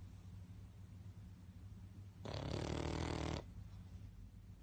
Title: Funny Dog snoring loud ❤ Cute snoring Pug 🐶 #DogVideo #SnoringDog #PugVideo